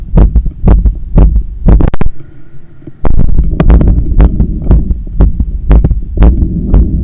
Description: Recording after running 10km outside and climbing up 15 floors of stairs to get home. My heart was visibly hammering inside… sorry for the breathing and the hard pumping sounds.